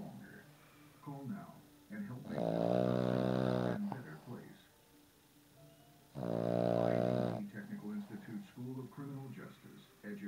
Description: The best advice I ever heard.........let sleeping dogs .......... snore!